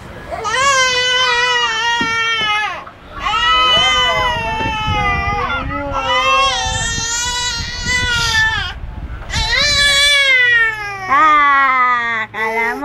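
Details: An 8-month-old baby boy, suspected of separation anxiety since about 7–8 months, gives loud, sustained wailing cries in long bursts with gasping breaths when his mother jokingly leaves the room.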